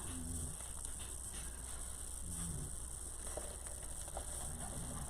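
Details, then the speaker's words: Faint, rattly low snores recurring every couple of seconds from an adult man asleep nearby, beneath room hiss and handling noises; snoring. "That noise you guys hear is my husband snoring. He's sawing logs over there."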